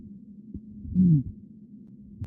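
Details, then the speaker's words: Real patient recording: harsh crescendo-decrescendo systolic murmur between S1 and S2 at right upper sternal border, with low heart sounds; aortic stenosis. "so this is a crescendo decrescendo systolic murmur it's between s1 and s2 okay it's crescendo de crescendo it's right up here at the right upper sternal border"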